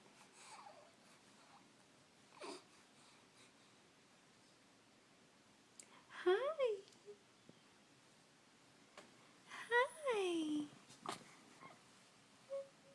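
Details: Infant in the morning, after stretching and sneezing three times in a row and before breakfast: two short, rising-then-falling fussy wails between quiet breaths and small sounds; brief crying.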